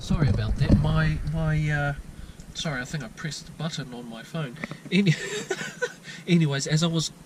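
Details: Lifelong stuttering since childhood in a 22-year-old man from New Zealand, never treated, with repetitions and blocks mostly at the beginnings of words.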